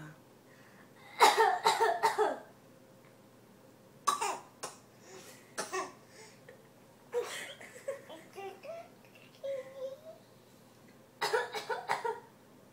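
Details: Young boy deliberately fake coughing in play with his sister: several short bursts of forced, playful coughing in a small room: voluntary cough.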